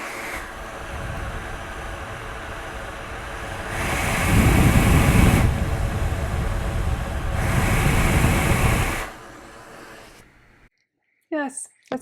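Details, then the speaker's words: Home ventilator via tracheostomy, with the circuit tubing disconnected: loud rushing air swelling with each machine breath, then falling quiet; a large, noisy ventilator circuit leak. "And so that creates [snorts] Sorry, [cough and clears throat] that creates a leak in the circuit. And it's a very big leak and it makes a lot of noise."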